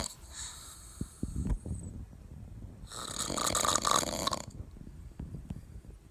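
A loud, rough snore with snorting breaths and some smacking noises; heavy snoring from a vibrating upper airway during sleep.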